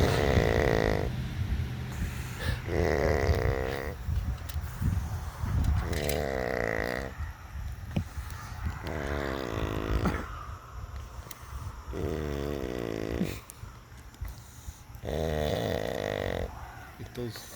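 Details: Snoring by an outdoor campfire: deep, rattling snores rising and falling with each breath, about seven breaths heard, with outdoor background noise.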